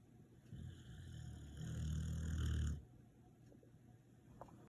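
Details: One low, rumbling snore lasting about two seconds, followed by quiet breathing; snoring.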